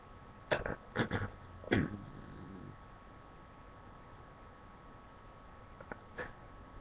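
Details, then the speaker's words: Three quick wet, explosive sneezes close together, then a fainter partial sneeze after a pause; sneezing induced with a Q-tip, the last one felt incomplete. "it was a sneeze but like i feel like it didn't fully come out i hate when that happens"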